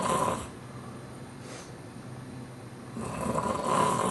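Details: Loud, rough snoring with short snorts between snores, noisy in both directions, while crashed asleep after a hectic weekend show with games and activities; loud enough to wake the person nearby.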